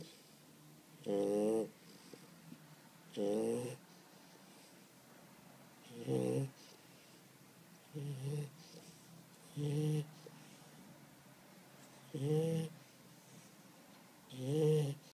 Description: Chow Chow snoring